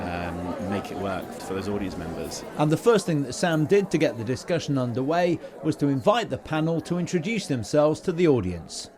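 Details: Adult man speaking; typical speech.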